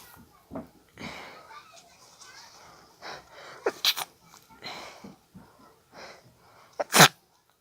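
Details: Several sharp, partly muffled sneezes with quick breaths between them; a stifled sneezing fit triggered by an allergy tickle in the nose.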